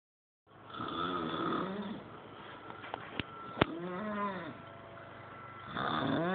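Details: Snoring after a long night out: rough, rattling snores on inhaled breaths with quieter stretches between, plus a couple of brief clicks; ordinary snoring.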